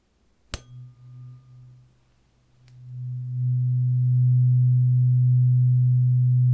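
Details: A tap, then a pure steady low tone that swells and holds, a hearing test tone in a simulated ASMR roleplay medical exam including an ear exam and beep test.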